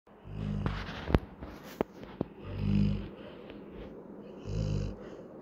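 Three slow, low rumbling snores about two seconds apart, with a few soft clicks and snorts between them, from a sleeping dog.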